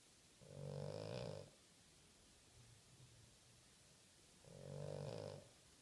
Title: Chopper snores loud